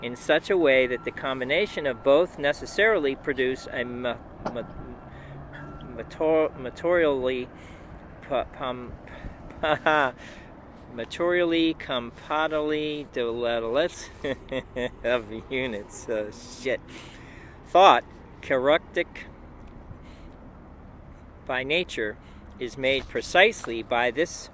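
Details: Aphasia in an adult man after a stroke, recorded reading aloud from a book during his two-year self-recorded recovery.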